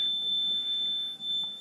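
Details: Backup alarm test tone sounding during the startup self-test of an Evita XL ventilator.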